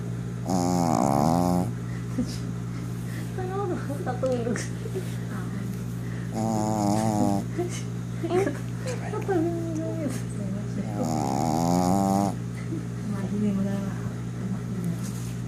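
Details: Three loud rattling snores about every five seconds during an afternoon nap, with a steady hum and quiet background talk.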